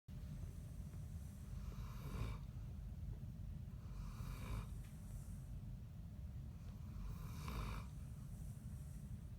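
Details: Dog snoring in the dark: three rough, noisy rasping snoring breaths over about nine seconds, over steady low background rumble.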